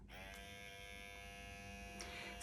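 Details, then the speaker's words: Steady high electric buzz of a cordless automated MD Needle Pen microneedling device, switched on by holding the button five seconds; it starts at red, its highest speed setting. "you press down the on button for five seconds so"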